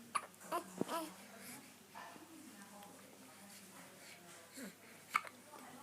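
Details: Several soft, abrupt hiccup sounds from a 9-day-old newborn girl, with faint baby noises and room sound; infant hiccups.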